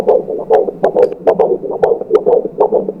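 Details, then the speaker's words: Fetal Doppler at 21-week detailed ultrasound of an IVF pregnancy, heart structure normal: rapid, regular whooshing pulses of fetal heartbeat at about 136 bpm, within normal range. "저희 심박수 한번 측정해 보도록 할 건데요 아 심박수 지금 136 BPM 정도로 정상 범위입니다"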